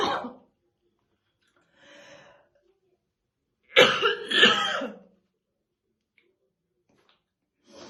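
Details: Adult woman's real, intense smoker's morning cough while slowly brushing her hair: heavy, deep, wet-sounding coughing bursts separated by pauses and a quieter breath; smoker's cough.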